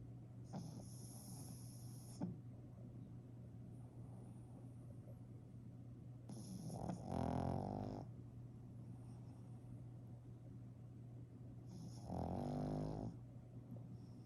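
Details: Pug snoring in slow, rattling breaths, roughly eleven a minute, over a steady background hum; snoring.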